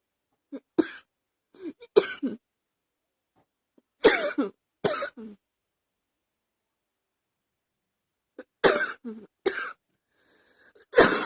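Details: Adult with a chesty cough that is getting hard to stop: harsh, chesty coughs in clusters with pauses between bouts, a cough felt cooking in the chest.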